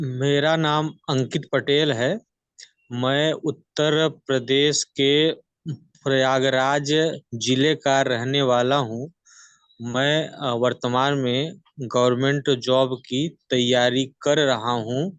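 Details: Adult man in a stammering support group for one week, Hindi, using slow speed and prolongation techniques; stuttering with fluency-shaping (prolonged) speech.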